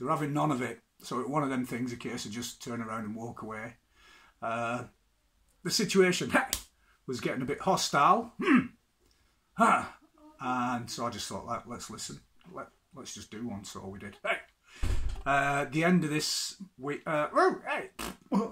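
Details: Adult man with Tourette syndrome; interjected vocal tics occur during his speech. Finding: Tourette syndrome vocal tics.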